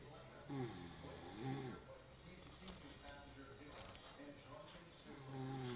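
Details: Exhausted man snoring: low rattling snores with whistly, wavering tones through the breaths, over a noisy room background.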